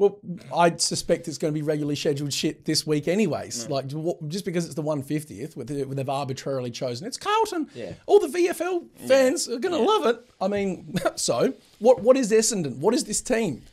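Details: Adult men in casual conversation; Normal conversational speech.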